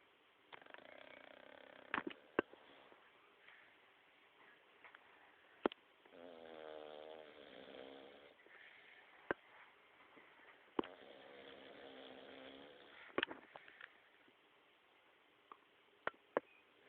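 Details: White Staffie dog snoring while awake: soft, repeated fluttering snore-like breaths with scattered clicks and sniffs; snoring.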